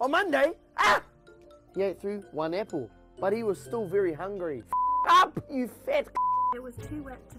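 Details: Speaker who states he has Tourette's, reading a children's book aloud with interjections; Tourette syndrome vocal tics.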